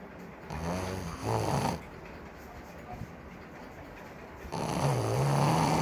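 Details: Snoring: deep, loud, rumbling snores with a fluttering quality on inhaling, separated by a quiet breath out; heavy snoring.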